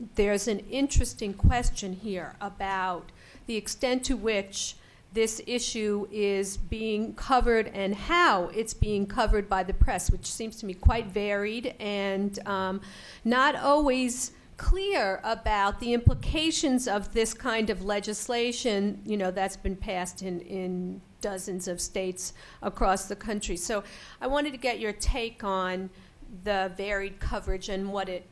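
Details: Adult woman speaking; normal speech.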